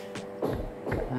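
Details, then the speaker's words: Fetal heartbeat on Doppler during a pregnancy check, with rapid rhythmic whooshing pulses at 154 per minute, described as healthy. "Inilah detak jantungnya. 154, Bu. Sehat, sehat, sehat."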